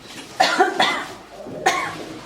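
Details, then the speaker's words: Three short, fairly dry coughs given on request from an adult at a COVID-19 ambulatory assessment centre, with quiet room noise. The adult has a temperature of 38.7 °C, oxygen saturation of 95–96% and one episode of diarrhea. Voluntary cough. "Vous pouvez tousser un peu, comment vous entendez tousser?"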